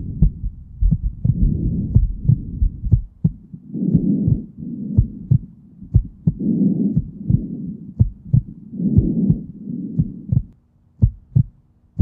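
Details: Rainbow Dash's heartbeat and breathing heard through a stethoscope: steady heartbeat near 60 a minute with soft breathing at about 24 breaths a minute; species not stated.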